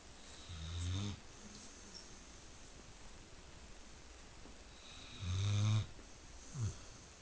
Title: Pit bull snoring